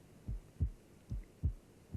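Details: Heart sounds from an interactive videodisc program on cardiac auscultation: normal first and second heart sounds.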